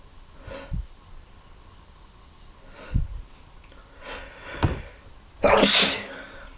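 Several soft, stifled sneezes followed by one full, explosive sneeze.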